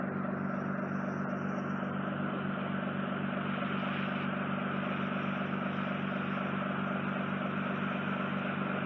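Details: Endoscopic ear wax microsuction of wet, soft wax coating an inflamed, heavily scarred tympanosclerotic eardrum in a woman's fully occluded ear canal: loud steady rushing suction roar with constant pump hum, noisy but routine.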